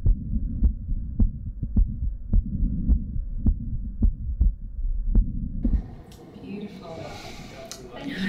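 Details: Heart of a woman with diagnosed diastolic dysfunction (stiff left ventricle) and a heart murmur, heard at rest through a stethoscope using bell and diaphragm over the aortic and pulmonic valves: steady beat near 105/min with murmur, then handling noise.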